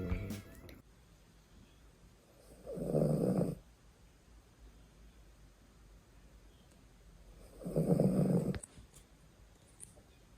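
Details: Female rescued poodle snoring while asleep: two deep, rattling snores about five seconds apart in a quiet room.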